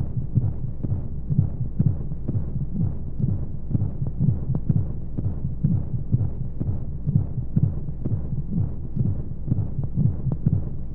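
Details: Womb-sound sleep aid for babies: soft regular low thumps at about 125 a minute under a constant white-noise hiss of flowing sounds, a heartbeat as it might be heard in the womb.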